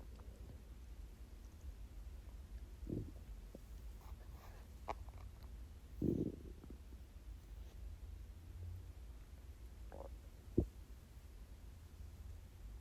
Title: 24 HOUR FAST!!! (starving stomach growls!)